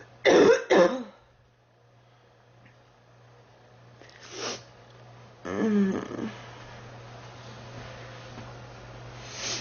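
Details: Girl sick for about 3 weeks who feels hot and unwell: four rough coughs, a quick pair and then two more after a pause, over a steady room hum. Cough.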